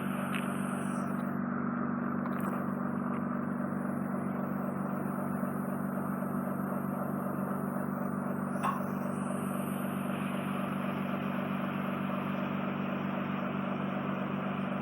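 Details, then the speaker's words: Microsuction of remaining wet wax and drop-softened skin from the ear canal base in a woman with an inflamed, heavily scarred eardrum: continuous low hum with steady suction noise and occasional clicks. "No, we'll let these drops, I'll just try and vacuum the wet down skin that you've got. Okay. Probably very noisy to vac"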